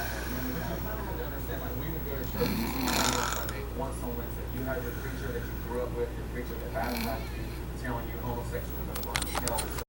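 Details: Affenpinscher dog snoring: rough, snorting snores from a small dog over a steady hum and faint background talk.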